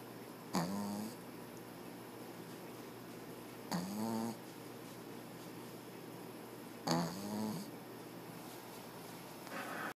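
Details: Sleeping puppy: three loud rattling snores about 3 seconds apart with quiet room noise between; snoring.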